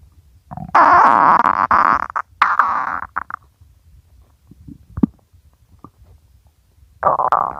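Loud gurgling, squeaky stomach growls with bubbling pops and pauses; hunger-related bowel sounds, normal.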